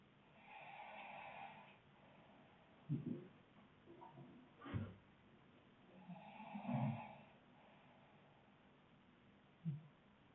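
Soft, low snores and snorts from sleepers, with occasional noisy breaths in a quiet room; snoring.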